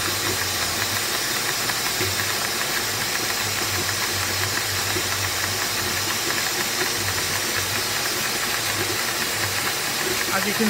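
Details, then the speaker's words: Dental suction unit (Micro-Smart, latest firmware 20180223) in a test rig, with a ball valve standing in for a spittoon valve: steady, loud hissing rush of air and fluid drawn at constant flow. "the flow off into the pumps for me it's quite light but as you can see it's actually pulling very nicely the main waters on the inner side of the tube and very good with that fairly constant flow of it"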